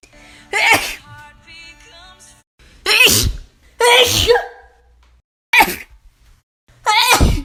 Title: Notable Sneezes of 2018-19